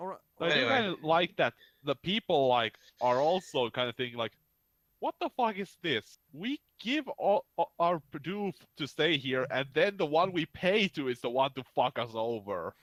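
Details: Adult male speaker; ordinary speech.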